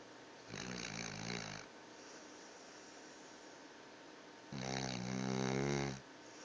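Two loud, rumbling snoring breaths about four seconds apart, each over a second long, over steady room hiss.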